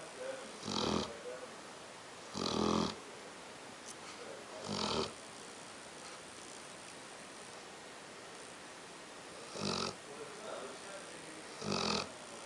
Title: Getting Her Snore On (07.07.09)